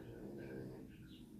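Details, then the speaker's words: Low snoring from a sleeping ten-year-old pug around midnight; snoring. "he is snoring very low so you'll probably hear him in the video he is about ten years old and he is a pug and it's about midnight Central Standard Time and he's snoring away so you'll hear him sorry about that"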